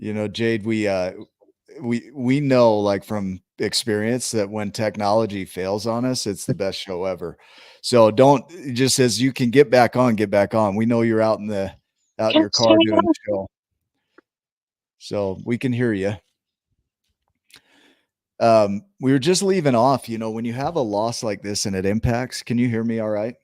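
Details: Adult man speaking; normal speech.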